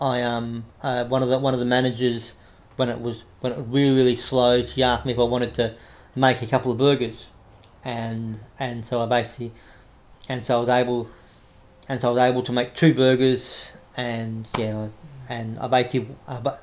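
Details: Adult man with cerebral palsy after severe meningitis in infancy, right arm and leg affected, says he has a bit of a stutter he controls by calming down; repetitions of words and phrases audible; stuttering.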